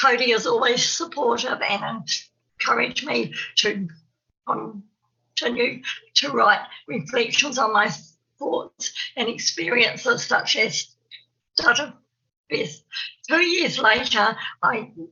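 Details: Stuttering (stammer) in an adult woman, an early childhood teacher in New Zealand, who describes herself as having a stammer.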